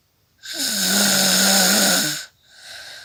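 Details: A single long, harsh, buzzing snore lasting nearly two seconds, then a quieter breath, from an adult woman recorded while actually asleep: snoring.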